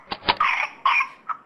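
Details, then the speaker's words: Young boy's whooping cough (pertussis) coughing fit: short bursts of coughing with harsh noisy whooping breaths between; he couldn't catch his breath. Caught on home video; a nurse practitioner diagnosed pertussis from it. "He was coughing, doing the whoop and he would vomit. And he couldn’t catch his breath."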